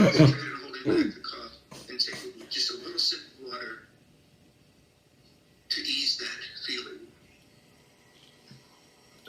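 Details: Habit cough (somatic cough syndrome) in a woman almost 40 weeks pregnant, later cured.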